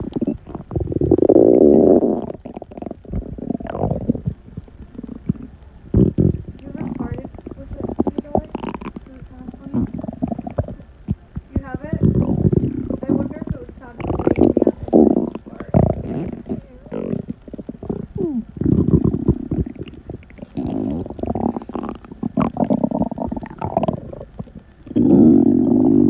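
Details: Woman's loud stomach noises while digesting a burger: frequent gurgling and rumbling; ordinary digestive bowel sounds (borborygmi) after a meal.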